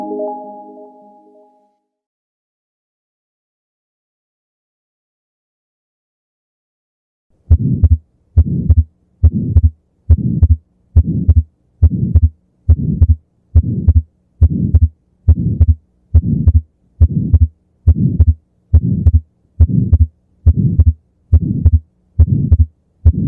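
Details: Atrial septal defect: regular heartbeat about 70 a minute with a soft ejection flow murmur and wide fixed splitting of the second heart sound (S2).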